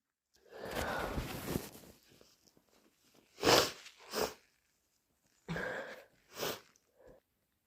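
A long, loud, wet nose blow or sniffling, then two pairs of harsh, explosive sneezes with a short breath before each.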